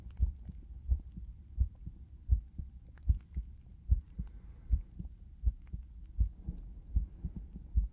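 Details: Heartbeat heard through a stethoscope in a binaural ASMR recording: steady low, regular two-part lub-dub rhythm at about 80 beats a minute.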